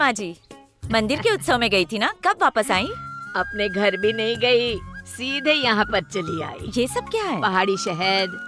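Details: Adult female voice, dubbed film dialogue; normal speech.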